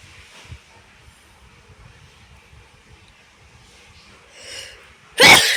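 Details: Sneezing: a quiet stretch with a brief in-breath, then one loud, explosive sneeze.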